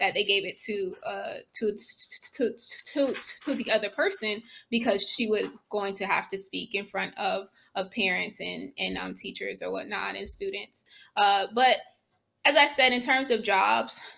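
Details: Stuttering in an adult woman, herself a speech-language pathologist, who reports blocks and repetitions, heard in conversational speech.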